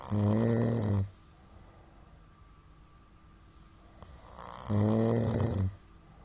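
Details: Middle-aged man's snoring, recorded 2022-02-23: two loud, rough snores about four seconds apart with quiet breathing between; number of shallow hypopneas suggests sleep apnoea syndrome (suspected).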